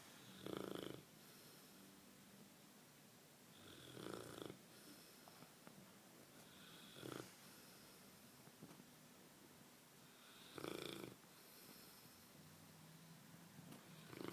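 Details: A puppy in deep sleep, barely able to open its eyes, snoring: rough, rattling snores about every three to four seconds over steady room noise.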